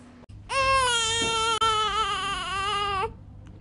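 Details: A single sustained, wavering newborn cry of about two and a half seconds, clear and tonal, with quiet room noise, from a room of babies born through IVF and surrogacy.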